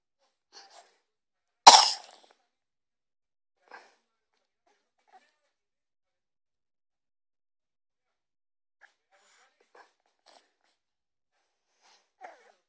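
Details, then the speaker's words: One abrupt harsh cough burst from a dog, followed by faint scattered small sounds in a quiet room; the owner says the cough keeps the dog from sleeping; cough. "Esa tos. No me la deja dormir a mi bebito colocho."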